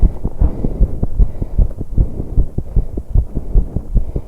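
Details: Heart sounds of a 21-year-old woman during exercise on an exercise bike: a fast, regular heartbeat at about 150 beats per minute, with breathing noise. The recording was set up to capture breathing and is noisy.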